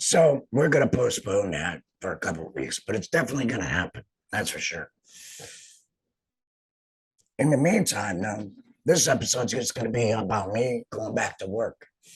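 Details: Adult male speaker; alaryngeal speech after total laryngectomy.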